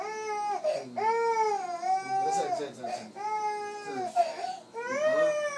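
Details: Young child crying as her father leaves to return to Dubai: sustained, wavering sobbing wails with breaths between, in a small room.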